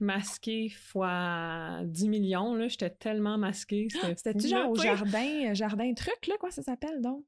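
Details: Adult woman speaking French; normal speech.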